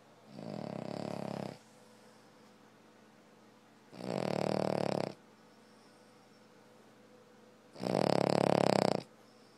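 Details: Three loud, rough, fluttering snores on the in-breath, about 16 breaths a minute, separated by quiet pauses; a dog that has snored like this for years.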